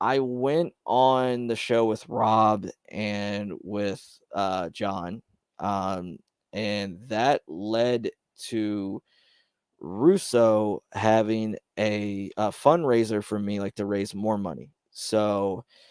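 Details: Man who describes having his own stutter, speaking on a live stream; stuttering.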